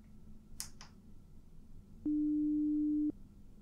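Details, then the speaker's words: Simulated ASMR audiology role-play, high/low frequency pure-tone hearing test: a steady pure test beep lasting about one second, with faint room noise and soft taps. "very good okay so that tested the high and low frequencies that you may or may not be able to hear"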